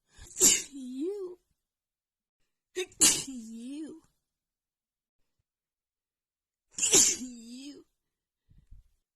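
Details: Three sharp sneezes in quick succession, each trailing into a voiced sound, from a female with a runny nose after an hour outside in cold, snowy weather combined with dust; a sneezing fit.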